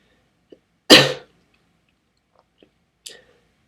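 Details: Single forceful productive cough from a child, followed by a smaller throat sound and faint mouth noises, after eating watermelon and a hot dog; coughing up mucus.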